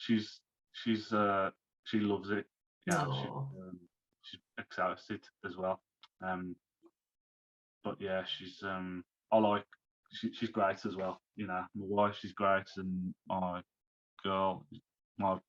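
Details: Man, 34, who had a stroke at 33 about three months earlier, lost speech, reading and writing, and is recovering; speech is worse when tired; aphasia after stroke.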